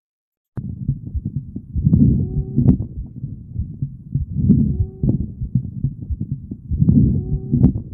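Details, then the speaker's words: Lung auscultation teaching example of expiratory wheeze indicating airway narrowing/obstruction: breath sounds with musical, whistling high-pitched tone each cycle; wheezes. "Então o cibilo expiratório indica obstrução de vias aéreas, tá? Então vou colocar o cilo aqui para vocês eh conseguirem identificar esse som melhor."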